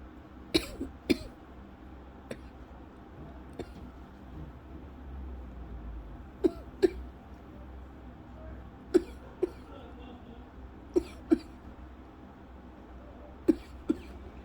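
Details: Lingering cough over a month after an illness, with constant scratchy throat, episodes about 8 times daily; a milder bout not triggering asthma cough: short dry coughs in pairs, about ten over fifteen seconds.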